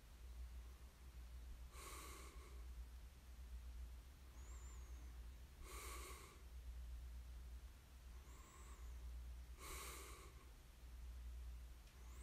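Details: Light snoring during sleep: soft, airy snoring breaths about every four seconds over a steady low room hum, with faint whistling on some breaths.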